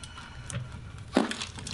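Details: Single short crackling pop during a manual chiropractic adjustment at the upper thoracic spine (T2 level): joint cavitation, a gas release, while the patient breathes out.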